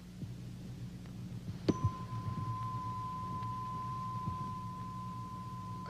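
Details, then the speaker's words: Filmed scene of an otologist's exam: a tap, then the pure steady tone of a struck tuning fork placed on the forehead midline for the Weber test of left-right hearing balance, over low room hum. "fork is placed against the forehead to check the balance of hearing between the right and left ear Weber test H in the midline"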